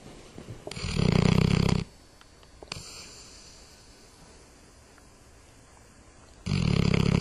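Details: Ordinary heavy snoring in a dog: two loud, coarse, low snores with a quiet pause between them.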